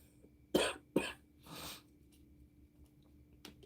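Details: Adult woman on antibiotics, recently short of breath with painful breathing: two sharp, dry coughs close together, then a breathy exhale.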